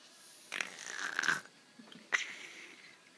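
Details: Two hissing, whistly breath noises, one long and one shorter, with faint background noise: a person imitating how grandma snores, not real snoring.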